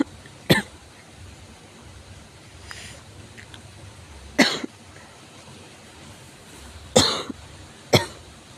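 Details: Severe cough: four separate, forceful single coughs spread over several seconds against quiet room noise.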